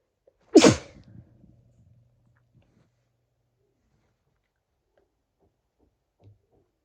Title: Induced sneezes(f)